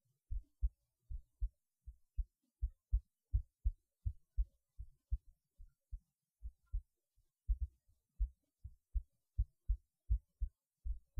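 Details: Human heartbeat recorded through a cheap acoustic stethoscope: steady, regular paired lub-dub heart sounds at about 80 beats a minute.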